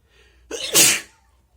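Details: One forceful, hissing, wet-sounding sneeze preceded by a brief inward catch, from a person recording wet sneezes, nose blows and some coughs.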